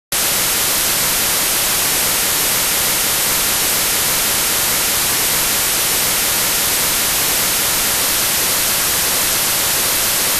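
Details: Simulation of the tinnitus a person has heard in their head since 2005: steady, hissing static-like noise throughout; tinnitus simulation.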